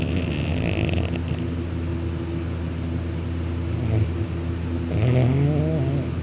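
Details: Male snoring very loudly while napping on a couch, lying on his back with his mouth open, drooling; continuous loud deep rattling snore with a rougher, higher-pitched stretch; heavy snoring during sleep.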